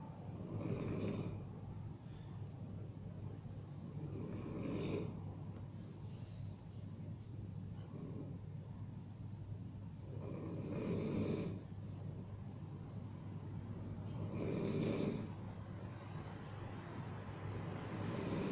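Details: Rough, rattling snores with each breath from an adult woman sleeping, over a steady low background hum; snoring.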